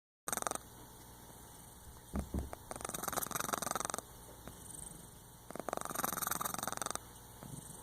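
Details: Dog dozing, half awake and half asleep, snoring: irregular rattling, fluttering snores in bursts with quieter gaps between.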